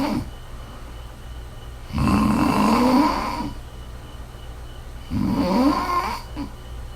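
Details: Woman snoring during sleep: two long, rough, rumbling breaths separated by quiet pauses; steady snoring at about ten breaths a minute.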